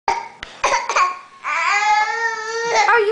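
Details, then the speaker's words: A big, bad-sounding cough. "coughing oh this is a big cough oh goodness you ain't right child oh that's a bad call"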